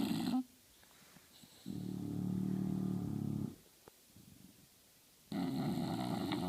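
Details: Sleeping English bulldog: low rattling, grunting snores on each breath with quiet pauses between; snoring typical of a flat-faced dog.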